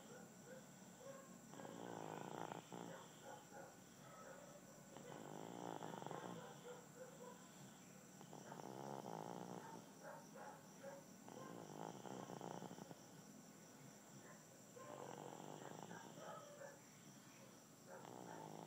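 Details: Gab snoring while deeply asleep: soft, repeated rattling snores about every three seconds over a steady background hum and high whine.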